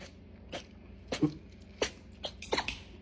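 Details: Pet cat, Boogz, in a sneezing fit after sniffing spicy hot wings: several small, sharp bursts of air over a few seconds in a quiet room.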